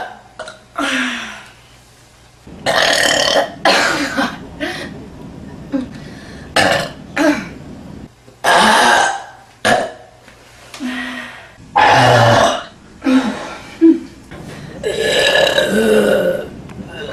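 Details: Repeated burping: a run of about a dozen loud, long, rumbling belches with short pauses between them.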